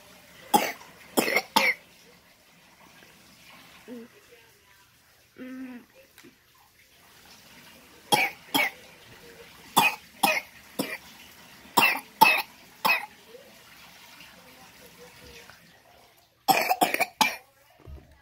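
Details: Patient sick with RSV infection: repeated bursts of wet, harsh coughing in short clusters, with faint whimpers between and running water in the background.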